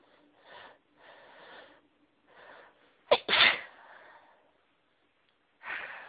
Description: There is a certain flower that always makes me feel really sneezy and I was around them today.... achoooo, achoooo, achoooo!!!!